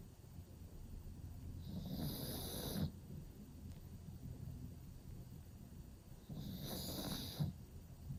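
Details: A pug sleeping in a cozy cave dog bed: two long, rattling snores with a hissy edge on the in-breath, separated by quieter breathing.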